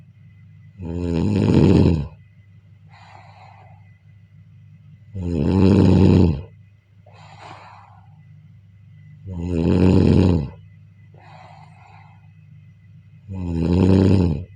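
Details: Steady snoring during sleep: loud, regular rumbling snores about 15 a minute, each followed by a soft breath out.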